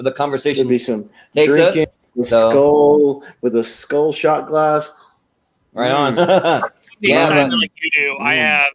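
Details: Adult male speaker; typical speech.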